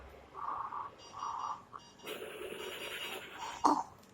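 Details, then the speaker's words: Cough Assist machine used routinely on a child: humming airflow changing to a rougher, buzzing, fluttering sound as oscillation is added to insufflation to loosen secretions; mechanical insufflation with oscillation. "voy a poner el problema de momento es el de inspiración con la oscilación una e igual podéis oír el ruido como cambiado ese es la oscilación"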